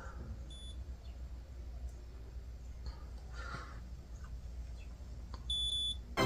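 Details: A Be Healthy blood glucose meter during a nurse's demonstration test: a short high electronic beep, then a longer beep as the reading appears (104), over quiet room hum.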